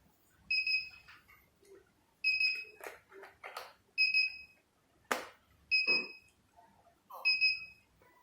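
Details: Repeated high electronic beeps roughly every 1–2 seconds with clicks and handling noise as a 3D HIFU (LS-X3) skin-tightening machine fires shots in a demonstration; HIFU firing beeps.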